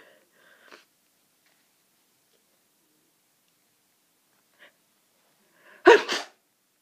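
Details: Person with hay fever and a cold having very powerful sneezes, some impossible to stifle: faint breathy catches, then one forceful explosive sneeze with a quick second burst in a quiet room.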